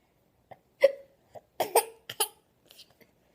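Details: Child with hiccups: short, abrupt voiced gulps repeating irregularly, about six in three seconds, some blending into little laughs; hiccups.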